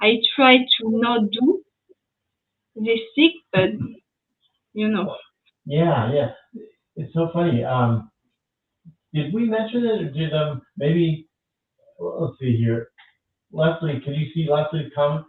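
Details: French woman with lasting language difficulty after an ischemic stroke at age 22 in July 2011, initially mute for 10 days, one year of rehabilitation; post-stroke aphasia.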